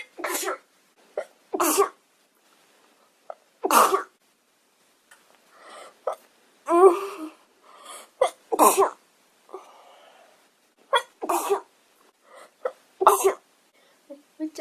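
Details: Young Japanese woman sneezing uncontrollably: about eight quick, sharp sneezes, some soft and stifled, with brief breaths between: repeated sneezing fits.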